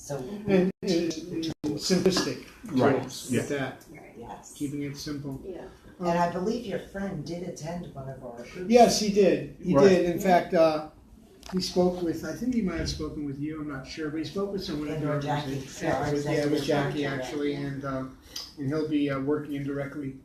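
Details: Adult man with aphasia after a stroke nine years earlier, with total right-sided weakness, speaking in a real conversation; aphasia.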